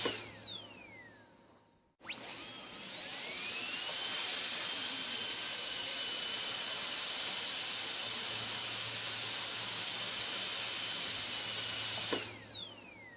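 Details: Dental drill: a high-pitched whine spinning up, holding steady for about ten seconds, then stopping. Recorded as an ASMR on-and-off drill sound.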